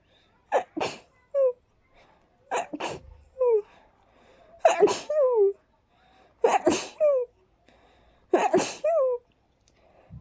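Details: Sneezing after about 20 minutes of cleaning and dusting: five quick, airy sneezes, each a sharp burst with a short squeaky sound after, about 32 a minute, in a quiet room.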